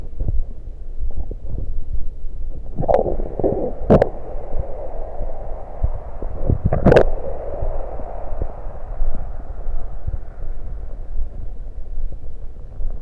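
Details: Stomach gurgling recorded while drinking soda: low rumbling with a few sharp gurgles and pops as swallowed soda moves in; bowel sounds.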